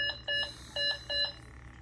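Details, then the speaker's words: Repeated high-pitched beeps of a bedside CO2 monitor alarm at night, day three to four after esophagectomy with a lung drain in place, as the congested patient coughs to clear mucus from the lungs. "that's my CO2 alarm going off I believe just trying to clear out my lungs"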